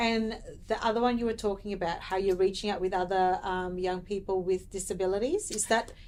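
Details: Adult woman speaking; typical speech.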